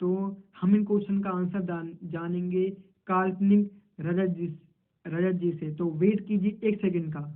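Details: Man who stammers, role-playing a stammering interview in Hindi. Finding: stuttering.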